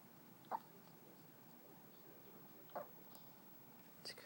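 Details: Newborn baby girl less than one day old, 7 lb 11 oz and 21 inches long, with soft, brief catching hiccup sounds about two seconds apart over quiet room noise.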